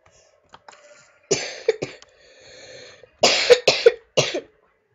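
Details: Person playing a video game: two sets of sharp, dry coughs, about five in all, in a quiet room; a plain cough.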